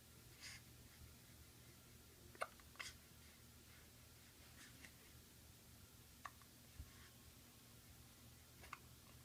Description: has the hiccups! Nothing new haha